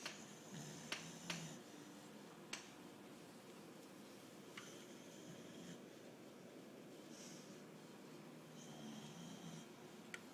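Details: Quiet, soft, low snoring breaths about every four seconds in a still room with faint clicks, from a pet dog sleeping after an exhausting day; ordinary dog snoring.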